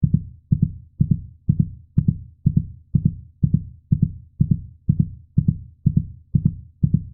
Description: heartbeat sound for babies